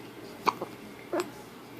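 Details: Infant girl with hiccups, unable to talk: three brief, abrupt catching sounds within about a second against soft room noise while a parent talks to her.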